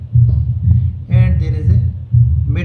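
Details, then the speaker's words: Patient diagnosed with pure mitral stenosis, auscultated at the apical (mitral) area: loud first heart sound, audible second sound followed by an opening snap, and a low diastolic rumble at about 60 a minute. "So I can listen the first heart sound, second heart sound. First heart sound is loud and second heart sound is audible. There is an extra sound after second heart sound which is called opening snap."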